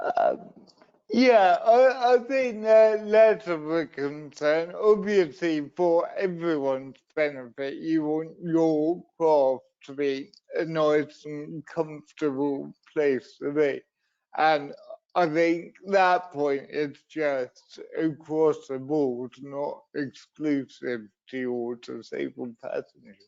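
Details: Adult man who says his disability affects his voice and leaves him wobbly and unsteady on his feet, elsewhere describing cerebral palsy from an accident at birth; dysarthria.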